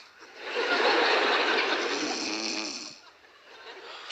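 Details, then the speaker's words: Simulated snoring acted on stage in a comedy sketch: one long, rough, rattling snore-like noise on an inhaled breath, an imitation rather than real snoring. "Что ты опять будешь храпеть Я не усну я Коль принцесса не храпят"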